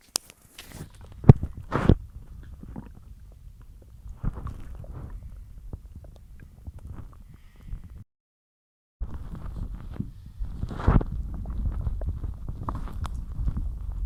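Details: Bloated stomach growling after a massive lunch of cheese-loaded pasta and a large drink of milk mid-diet: low rumbling and gurgling gut sounds with a few louder bursts and a brief gap.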